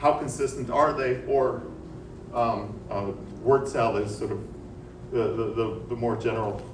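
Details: Hypokinetic dysarthria: male boxer's interview snippets from 1968 onward in time order, speaking rate falling from about 5.1 to about 3 syllables per second by 1981 with reduced articulatory precision; parkinsonism diagnosed 1984, last snippet post-diagnosis.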